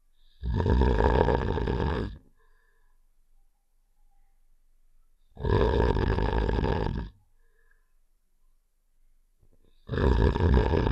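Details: Loud, rough, low rattling snores, about 2 seconds each and 4 to 5 seconds apart, with silence between; simulated snoring sound effect from the game Save The Shapes (Heart character).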